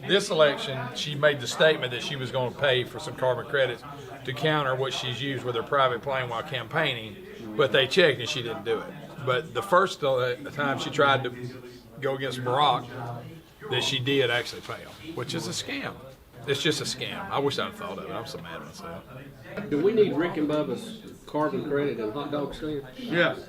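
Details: Adult male talk-show host; ordinary conversational speech.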